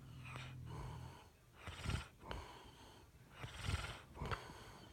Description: Snoring this is driving me mad